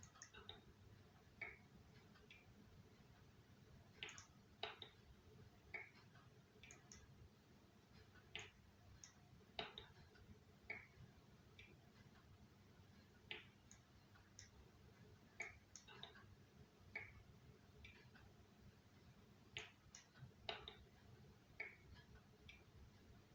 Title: cracking knuckles